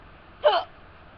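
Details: Person with hiccups who says they get really bad ones: a single brief, sharp, voiced hiccup.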